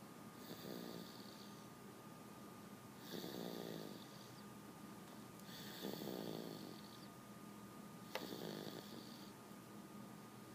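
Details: Soft rasping snores with a whistling edge, about one every 2.5 seconds, over faint room hum; snoring.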